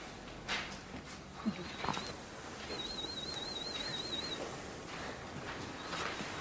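Short bursts of a high-pitched warbling tone repeat over quiet room noise with a few soft knocks: audiometry test tones from a child's hearing test.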